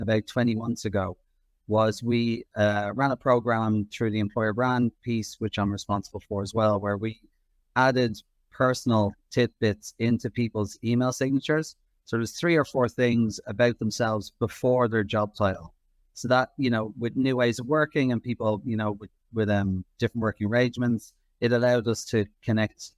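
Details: Adult man; normal voice.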